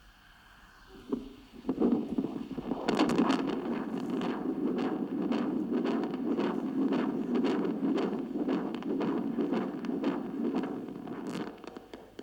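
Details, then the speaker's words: Doppler fetal heart monitor transducer used on an adult's chest instead of a pregnant belly, picking up heart and aortic blood flow sounds. "Now, this device here isn't actually made to look at the beating of heart of adults, but it's a fetal heart monitor,"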